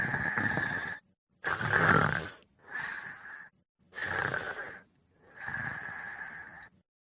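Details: Snoring sound.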